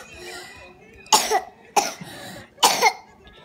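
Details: Three loud, abrupt coughs about a second apart from a child, with faint room sounds between; a plain cough.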